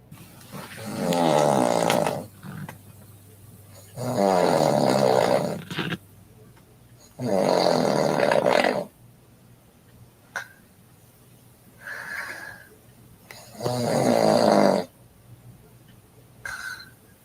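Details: Loud, rattling snores on each in-breath, about four in seventeen seconds, separated by quiet out-breaths.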